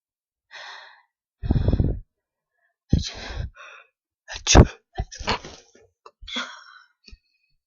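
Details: Several violent sneezes deliberately stifled because they are usually wet and messy: short, forceful, muffled sneezes with breathy intakes before each; a final attempted "achoo" came early and sounded like another stifle.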